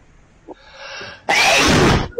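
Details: A drawn-in breath builds, then one loud explosive burst: a single sneeze from an animation.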